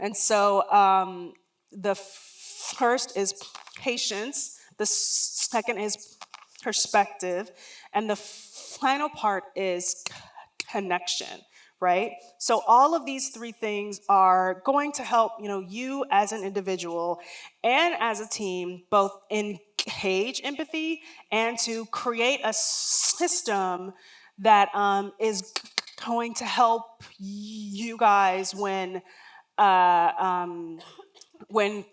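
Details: Real lifelong stuttering in an adult woman, onset around age three and never outgrown.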